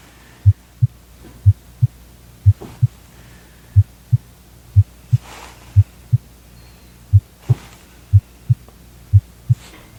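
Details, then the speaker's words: Real-person medical roleplay, adult with reported shortness of breath and chest tightness, BP 120/60: normal heart sounds through the stethoscope bell, about 55–60 bpm, regular lub-dub, S1 and S2 present, no S3, S4 or murmur. "so i'm definitely hearing normal heart sounds no murmurs i'm gonna listen with the bell side as well"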